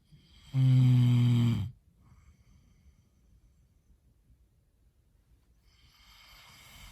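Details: A man who says he does not snore gives one loud, buzzing snore lasting about a second, then breathes quietly in a still room; snoring.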